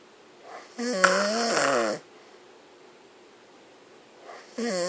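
Loud vibrating, tonal snores on breathing in, separated by quiet pauses; snoring.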